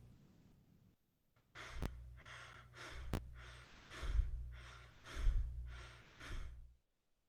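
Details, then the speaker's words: Quick, shallow breaths one after another with no pause, imitated as a teaching demonstration of rapid breathing seen in pulmonary embolism, MI or panic disorder: tachypnea. "next we have tachypnea which is the rapid breathing and we see this in many disorders such as pulmonary embolisms mis panic disorders and many others and here is how it sounds like"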